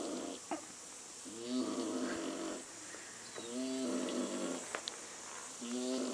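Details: Snoring: three slow, regular snores with a vibrating, buzzy tone on each breath, about 29 a minute, over steady room hum.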